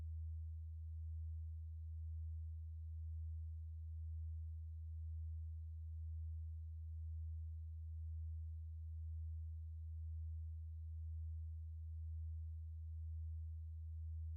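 A steady low-pitched pure tone with a slow, gentle swell in loudness, a generated tone used for hearing testing.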